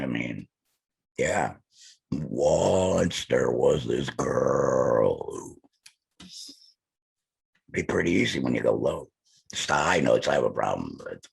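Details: Male speaker who implies he is a laryngectomee; alaryngeal speech.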